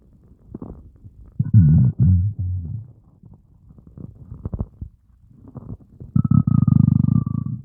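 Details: After fasting over 30 hours, a starving person's stomach growls: loud, low groaning and gurgling rumbles in long waves; hunger borborygmi, a normal bowel sound.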